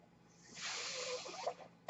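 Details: Speaker's own mechanical ventilator, heard in the background while he talks on his podcast: a mechanical ventilator breath cycle.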